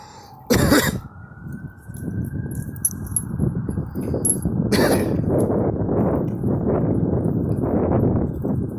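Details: Ordinary adult cough: two short, sharp coughs about four seconds apart over a steady rumbling background noise and a faint continuous tone.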